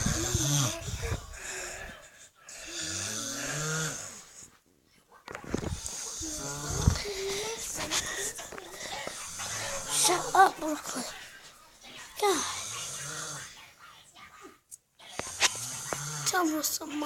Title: My daddy sleeping and he is snoring